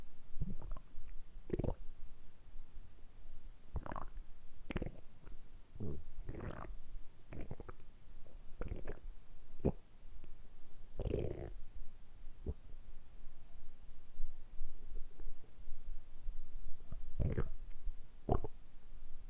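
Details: Repeated low gurgling and rumbling bursts from a man's belly, recorded up close, deliberately produced for ASMR; ordinary stomach rumbling, borborygmi.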